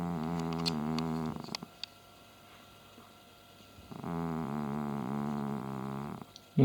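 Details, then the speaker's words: A sleeping cat snoring: rhythmic, buzzing, purr-like snores with a short quiet pause in the middle. "Теперь и ты храпеть будешь ночью ты что тоже пиво выпил"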